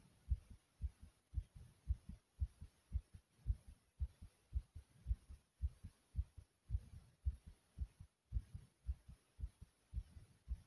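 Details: Own heartbeat recorded after doing several exercises, with breathing, the beat loud and aggressive; fast heartbeat after exercise.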